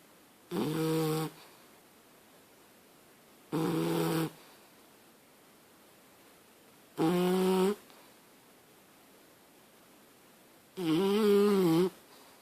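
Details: Playful imitation snoring from an alligator character: four evenly spaced, buzzy, tuned snore sounds about every three and a half seconds, with a clean artificial quality.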